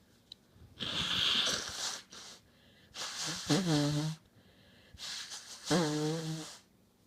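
Three long noisy breaths; the last two end in a high whistling honk. Fits a wheezing, honking breath sound.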